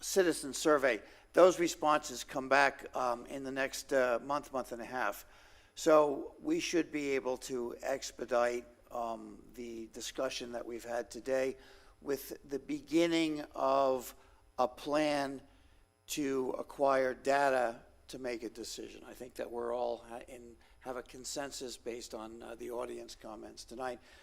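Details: Adult man speaking at a public meeting; normal voice.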